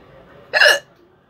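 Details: A single sharp, voiced hiccup, a sudden catch of breath with a brief squeak, against quiet room noise; real hiccup sound in a hiccup challenge, no water.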